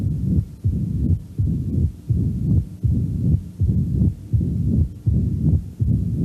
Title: HEART SOUNDS MITRAL STENOSIS